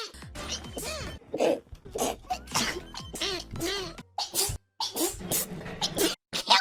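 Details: Compilation of sneezes from several voices, a rapid series of sharp sneezes with music and clipped edits between them; sneezing.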